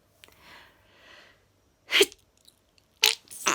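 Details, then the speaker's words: Adult during cold weather, caught on camera just before switching phone off: soft sniffing breaths, then two sharp, hissing sneezes in quick succession; sneezing. "i was just about to turn my phone off and i started sneezing but looking i hadn't turned it off so i quit the clips on camera"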